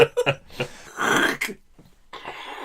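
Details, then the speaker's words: Adult man with really bad phlegm tonight: a few short throat-clearing bursts lead into a longer, harsh, rattly cough, then quiet room noise; productive phlegmy cough. "Yeah, I'm going to edit a lot of this out, but for all of you listening, has really bad phlegm tonight."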